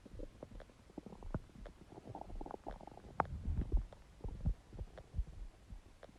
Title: Empty stomach growling sound | My Stomach Makes Noises